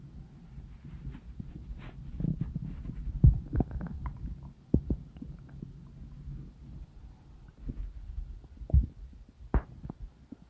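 Low, irregular gurgles and rumbles with scattered sharper pops and squelches, typical of ordinary stomach and bowel rumbling (borborygmi).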